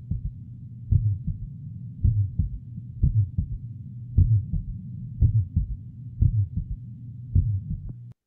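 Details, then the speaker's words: An abnormal heart sound recording taken from a heart audio dataset used to show signs of disease: a heartbeat of about 60 a minute with a continuous, low whooshing sound filling the gaps between beats, a heart murmur. "now this is M which is having a Sur disease sign of a disease I hope all of you can hear the sound I'm sure you can hear headset not with normal speakers that's what I found"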